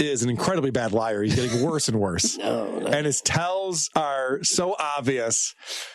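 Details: Adult man speaking; fluent speech.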